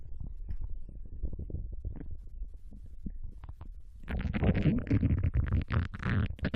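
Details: Japanese girl's abdomen digesting ramen and potato chips: continuous low gurgling and rumbling growing louder and busier partway through, active normal digestive bowel sounds.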